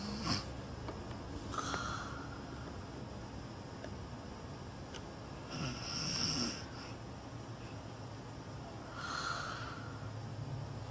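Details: Girl snoring loudly: several short, snorting, nasal snores a few seconds apart, some with a whistling edge, over a steady background hum.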